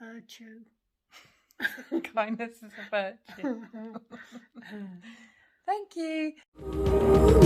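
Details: Aphasia in a woman, 17 years after a stroke at age 46 affecting the brain's language centres, reading aloud with word repetitions; initially she had only three words and has since regained more language.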